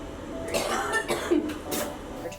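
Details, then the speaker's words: Run of about four harsh, wet coughs after a forced-exhalation lung function test in a hospitalized woman with cystic fibrosis and a lung infection who is receiving IV antibiotics. "basically I take a deep breath and I blow as hard as I can for as long as I can into this machine it usually caused me a coffee lot"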